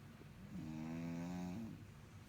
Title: brother snoring super loud